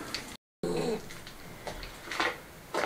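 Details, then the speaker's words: Young female puppy, rescued from a storm drain, fast asleep after her bath: soft, rough snuffling breath noises in a quiet room, light snoring. "you hear that she's fast asleep now snoring ah head off I think she's worn out after all the excitement today of having a bath"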